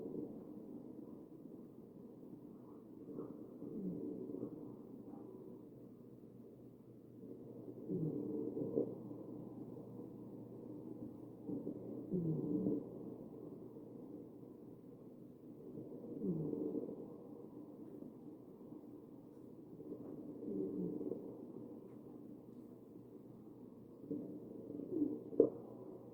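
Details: Real ventilated patient: muffled breath sounds at about 14 breaths a minute, each carrying a low musical wheeze; wheezing.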